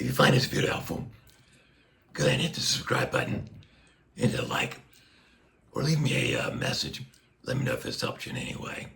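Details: Adult man with a tracheostomy placed less than a year earlier after neck cancer surgery, speaking through a Passy Muir one-way speaking valve; reports restrictive, squeezing vocal cords and constant pressure; speech through a tracheostomy speaking valve.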